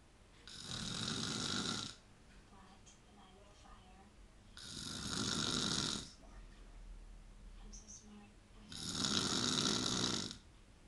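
Three loud, rough snores, each lasting over a second, with quiet pauses between them, about 16 a minute: snoring.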